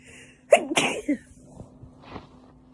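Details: Repeated sneezing, attributed to wind kicking up dust, in winter: a quick double sneeze, sharp explosive bursts with a short catch of breath between, then quiet room sounds.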